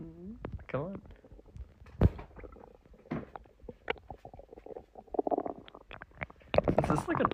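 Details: Male stomach growling (borborygmi) after eating a large meal of chicken and meat.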